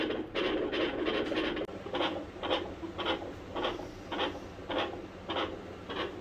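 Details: Dog heart sounds through a stethoscope on the chest during a veterinary exam: rhythmic harsh, rasping beats at about 105 per minute.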